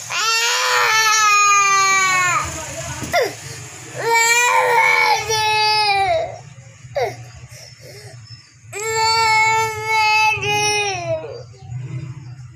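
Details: Loud, high-pitched crying from a baby given an injection in the hip: long wails separated by gasping breaths, an expected pain response.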